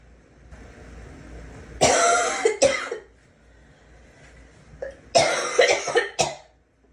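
Two clusters of harsh, loud coughs from a child, about five coughs in all, with quiet breathing between.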